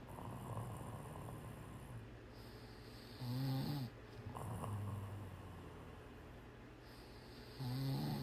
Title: Cat Snoring. Snore hard.